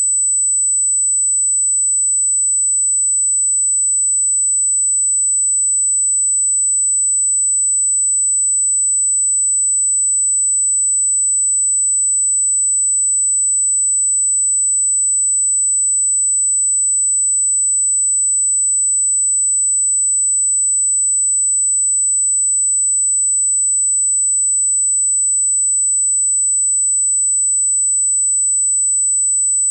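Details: Simulated high-pitched tinnitus: a steady, quiet, unchanging 8 kHz (8000 Hz) pure sine-wave tone, made as a tinnitus masking sound.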